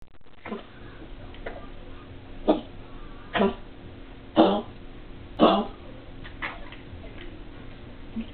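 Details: Dog named Spanky with Bordetella kennel cough gives a run of harsh, honking coughs; kennel cough.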